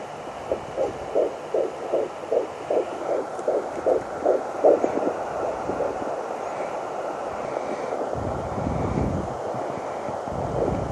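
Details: Fetal heartbeat at 12 weeks 3 days on a fetal Doppler: rapid, regular whooshing pulses about 155 per minute, lost briefly and found again, fading into static, with other odd noises.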